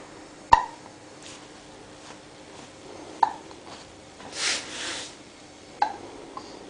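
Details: Three soft, sharp hic sounds a few seconds apart in a quiet room from a 7-week-old baby boy; infant hiccups.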